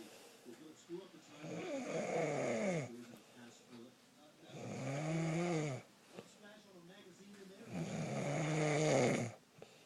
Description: Imagine a garbage disposal with a nail in it. Now imagine that nail is a train wreck.